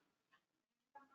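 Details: Esophageal speech on a vowel, demonstrated by a speech therapist: air injected into the upper esophagus is expelled through the upper esophageal sphincter.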